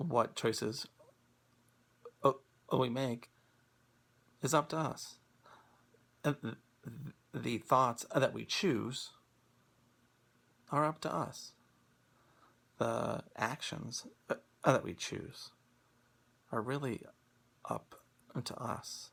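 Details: Stuttering in an adult man who stutters and practices Acceptance and Commitment Therapy.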